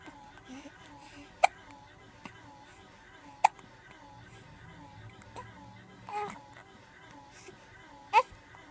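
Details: Baby with hiccups: sharp, brief hiccups about every two seconds with faint fussing and room noise between.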